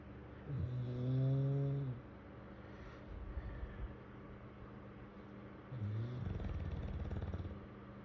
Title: I am trying to snore quietly. Honest mom lol #shortvideo #shorts #pets #englishbulldog